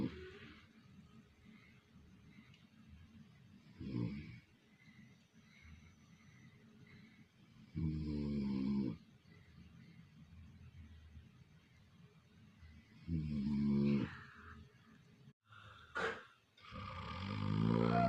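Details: Person sleeping: loud, harsh rattling snores on inhalation with a grunting, pig-like quality, separated by quieter breathing; heavy snoring.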